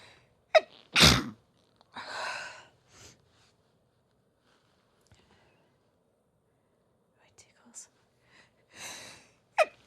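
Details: Sneezing induced by sniffing chhinkni (sneezing powder), at first stifled: brief gasp, then a sharp, forceful sneeze, breathy exhales and a second smaller sneeze.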